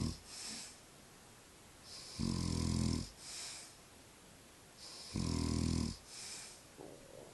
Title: snoring man